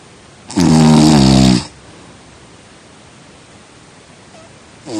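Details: One loud, rattling inhaled snore lasting about a second, then quiet room noise; snoring during sleep.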